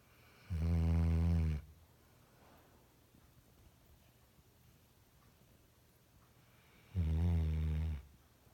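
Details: Loud snoring from a dog: two loud, deep, droning snores about six seconds apart, each lasting about a second, with quiet between.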